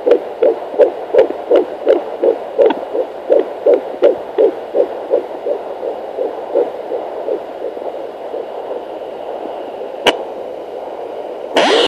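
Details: Fetal heartbeat at 10 weeks of pregnancy: rapid, regular whooshing pulses on Doppler of about 165 a minute, fading out partway.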